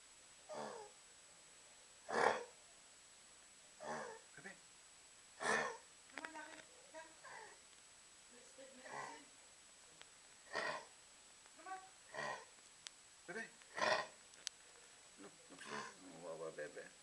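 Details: Dog with kennel cough: repeated harsh, honking coughs with brief pauses; kennel cough.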